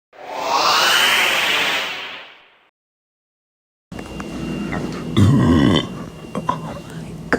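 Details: Burping: a long, loud rumbling burp, a pause, then a second gurgling belch over room noise; ordinary belching.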